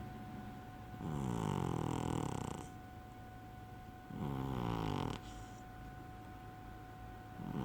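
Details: Fat cat asleep: two long, loud, rattling inhaled snores, each lasting one to two seconds, with a steady hum in the room.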